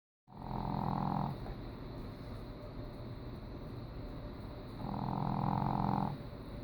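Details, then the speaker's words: Heavy snoring from a 12-pound female Boston dog: two loud, long, rough snores with a steady low breath noise between them. "That, ladies and gentlemen, is my little girl snoring. Pretty big snores for a 12-pound dog."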